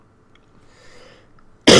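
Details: Adult podcast host with irritated lungs coughing: near silence, then one abrupt loud cough cut off at the end.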